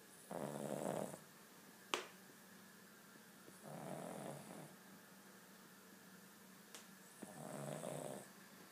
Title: King Charles Spaniel Snoring